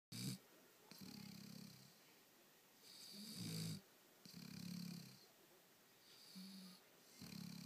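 Loud, rhythmic rumbling snores on each breath, with softer hissing exhalations between them, about eight breaths a minute: a sleeping dog snoring.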